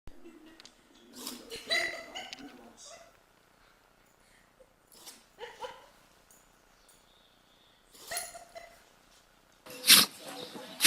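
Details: Compilation of dogs sneezing, one owner wondering about anxiety sneezing: several short, sharp nasal bursts, with people's voices between them.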